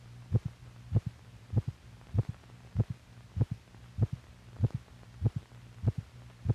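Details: Normal heart sounds from a film for doctors that records heartbeats and correlates the heart's physical motion with the sounds it makes.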